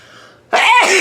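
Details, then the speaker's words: Person deliberately sneezing with eyes open as a challenge: a quiet intake then one sudden loud explosive burst of air, a single sneeze. "today I'm going to be doing keep your eyes open while trying to sneeze I feel like I can do it so let's get it"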